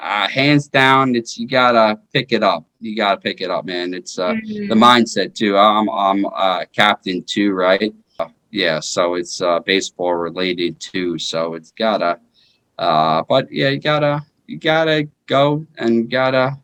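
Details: 33-year-old man with aphasia after a stroke in 2019 during his second open heart surgery; initially unable to speak, now progressing from single words to short phrases; right hand still paralyzed.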